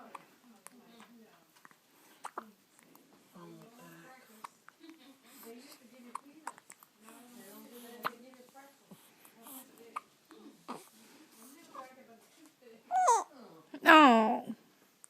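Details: Person with hiccups: quiet talk broken by repeated short, sharp catches of breath, with two louder vocal bursts at the end.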